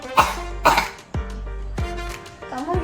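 Two short muffled cough bursts from an adult, acted for demonstration and covered by the arm, over steady background music.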